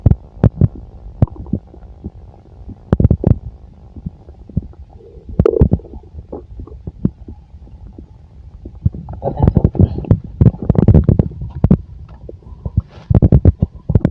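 Low gurgling rumbles and bubbling pops from the abdomen, coming in bursts over a quiet hum; ordinary bowel sounds of a full stomach.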